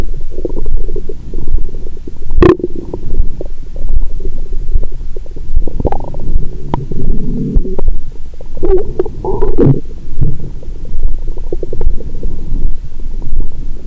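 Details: Woman's abdomen through a stethoscope after a heavy Christmas dinner with wine following a 22-hour fast. Continuous low gurgling and rumbling with frequent bubbling bursts; active bowel sounds.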